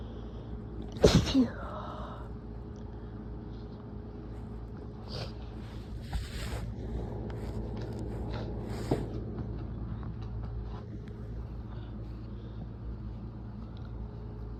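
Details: Adult with a lingering head cold affecting nose and throat: a loud sneeze followed by sniffly build-ups, rapid smaller sneezes and a nose blow.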